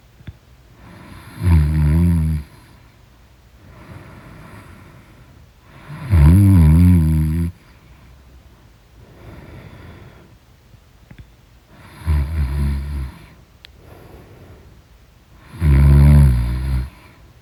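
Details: Loud snoring in deep sleep: deep, rattling snores on each inward breath, about four in seventeen seconds, with quiet breathing between them.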